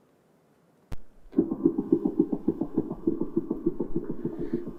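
Fast, regular heartbeat in a dog with distinct paired lub-dub sounds; normal first and second heart sounds.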